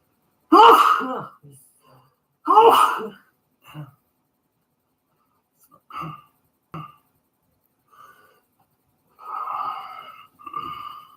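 Two loud explosive sneezes a couple of seconds apart, then softer sniffs and vocal sounds.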